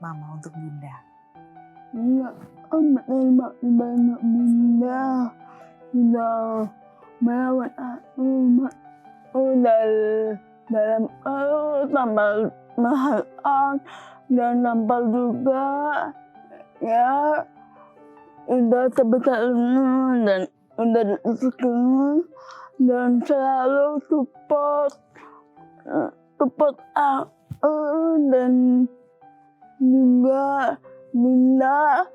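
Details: Young woman with dysarthria from cerebral palsy present since birth, with speech difficulty since childhood; formerly unable to speak, now somewhat improved after therapy.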